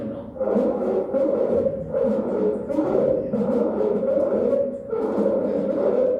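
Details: Inspiratory laryngeal stridor in a child with croup: a harsh, high-pitched, crowing breath noise with brief pauses, used as a teaching example.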